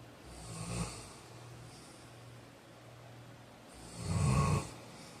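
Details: Two rough, rumbling snores a few seconds apart with soft breathing between, against low room noise; ordinary snoring during sleep.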